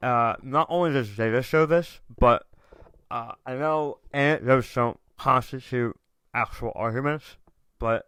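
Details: Adult male tongue cancer survivor, diagnosed October 2021, over 1.5 years in remission, about 80% of tongue removed and reconstructed with left-leg muscle, after proton therapy and chemotherapy, with reduced tongue and jaw movement; articulation impairment after partial glossectomy.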